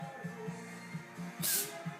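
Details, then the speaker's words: Cat sneezing: a single short, hissing burst over steady background music, one sneeze. "Что у тебя там в носике щекотить ты как перц нанюхался"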